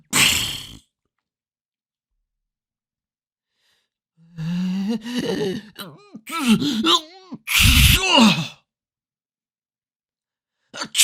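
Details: Sneeze sound-effect recording of people sneezing in different styles: after a long silence, sharp breathy bursts with gasping intakes and voiced sneezes.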